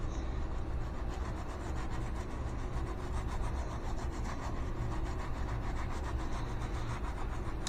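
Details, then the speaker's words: Steady rapid rasping of bristles with water or room noise beneath: surgical scrub brush scrubbing the hand for 1 minute, front, back and each side of the fingers, in a timed 5-minute surgical scrub. "I'm going to scrub for 1 minute I'm going to get all the PLS of the hands so front the back and each side of your finger"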